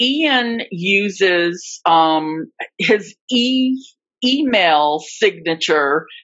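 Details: Adult woman, a covert stutterer for more than 30-35 years, with repetitions of words and parts of words; stuttering.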